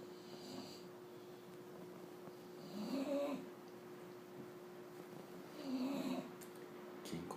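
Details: Bulldog snoring while asleep, described as extremely loud like a chainsaw: two rumbling snores on breaths in, about three seconds apart, over a steady background hum; snoring.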